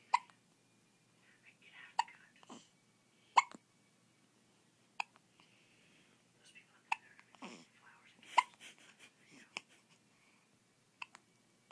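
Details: Baby daughter with hiccups, which she gets after every feeding: brief, sharp hiccups at irregular intervals, about twelve a minute, with soft breathy sounds between.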